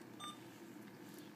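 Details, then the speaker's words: One brief, soft electronic beep over room noise, a keypress tone while reviewing 12-hour patient history totals on a patient-controlled analgesia (PCA) infusion pump. "go to patient history press the zoom button until it goes to the 12-hour shift Mark review the totals with the secondary nurse and confirm what you see"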